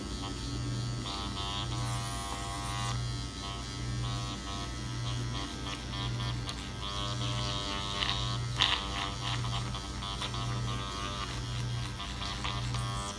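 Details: Self-microneedling around the other eye with a Dr. Pen A7 (12-pin, 34-gauge) set to 0.25 mm, skin tugged taut, face numbed with lidocaine: steady low electric buzz with soft rhythmic pulsing, close to the microphone.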